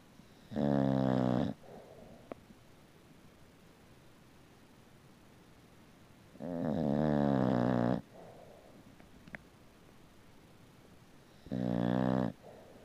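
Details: A rescued puppy-mill mother bulldog sleeping peacefully in the sunlight gives three long, low, buzzing snores about five seconds apart (about 12 a minute), with quiet breathing between them: snoring.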